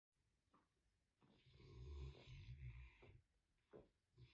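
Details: Sleepy American Bully dog snoring loudly: a deep rumbling snore with softer snorting breaths around it.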